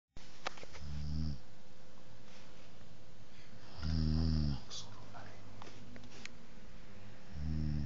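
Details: Light snoring from a sleeping baby: soft, low snores about every three seconds with faint clicks and room hiss.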